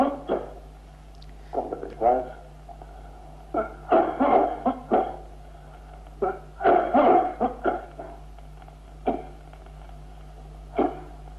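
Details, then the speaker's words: Teaching cough recordings: loose, wet, rattly cough of acute bronchitis, then short, suppressed, timid dry coughs of painful pleurisy. "la tos seca irritativa del carcinoma broncogénico la tos húmeda de la bronquitis aguda y la tos seca tímida deuda de la pleuresía dolorosa escuchemos las"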